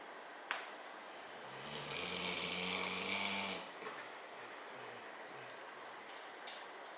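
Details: Snoring from a male sleeper; it is unclear whether he is asleep.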